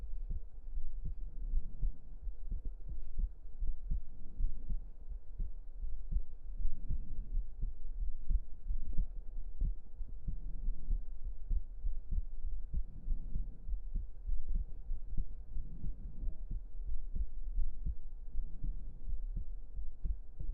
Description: This video will be mainly close up and relaxing hearbeat sounds.